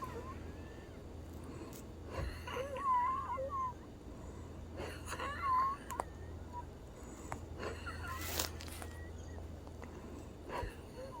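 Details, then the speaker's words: Female patient with recurrent wheezing, previously on theophylline and then Brovana and Pulmicort: noisy breathing with high, whistling musical tones on several breaths. "that's the second time she's squeezing yeah she we like at the post office yeah it's like her lung is having a problem"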